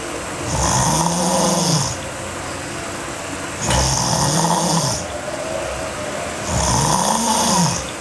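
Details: Sleeping girl snoring hard: three loud, rough, rattling inhaled snores evenly spaced, about 21 breaths a minute, with quieter exhalations between.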